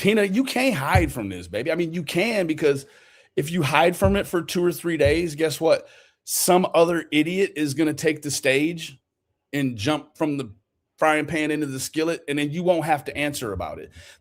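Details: Adult male speaker; typical speech.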